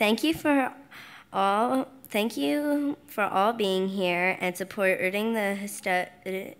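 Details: Stuttering in a 10-year-old girl receiving speech therapy at a stuttering institute, speaking at a benefit gala.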